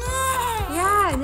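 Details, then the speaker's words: Colicky newborn boy, upset after being woken, about to be nursed: loud, strained cry with wavering pitch; fussy infant crying. "daddy went to go work his second job and pie is not happy because daddy woke him up so we're gonna nurse him"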